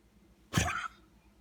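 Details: Snoopy, a pet dog, giving a single short, harsh cough in a quiet room.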